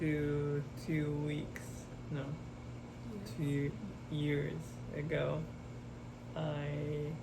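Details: Expressive aphasia with oral apraxia and right-sided paralysis in a young man after a hemorrhagic stroke at age 27, recorded July 2024 after intensive speech therapy programs.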